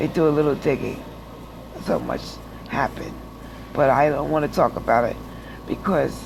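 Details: Adult woman with aphasia after stroke who says she doesn't speak well, still takes speech classes, and is in rehab relearning to walk after hospital stays; real speech; aphasia after stroke.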